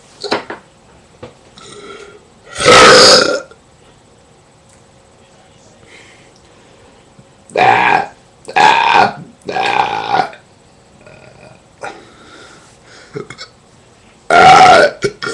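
Five loud, drawn-out belches with quiet gaps between them: repeated burping, air brought up from the stomach.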